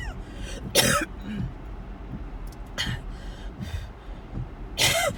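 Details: About four harsh cough bursts over car noise, recorded in a moving car on the way to the hospital/ER during a series of coughing attacks; coughing fit.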